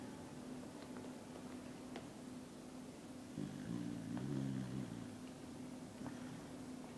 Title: Harrier Beagle Snoring while he Sleeps :3